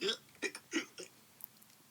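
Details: Four short, voiced hiccup-like yelps in quick succession, acted out by a storyteller reading a children's Halloween story about a skeleton with hiccups; imitated, not real, hiccups.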